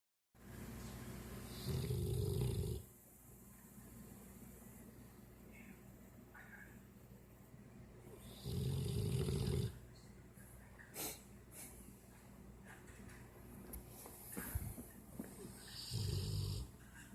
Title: Funny dog snoring